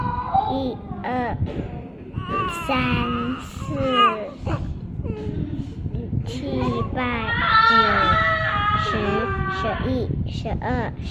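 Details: 6-week-old infant giving short, rising fussy cries and grunts while an adult talks and counts nearby; infant crying.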